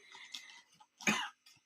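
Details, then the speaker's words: Allergic cough in an adult man, doctor-attributed to allergy and worsened by dust and dirt, persistent for days and on inhaled medication: a single harsh, dry cough burst with faint trailing sound. "ওর তো বলছে doctor বলল ওইটা ওর allergy থেকে হয়েছে ধুলো ময়লা গেলেই ওর কাশিটা বাড়ছে"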